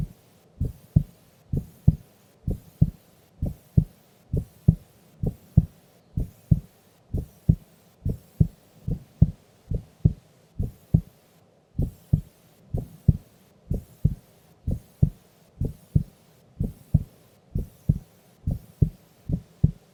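Steady, regular lub-dub heartbeat at about 65 beats a minute with no added sounds; normal heart sounds at rest.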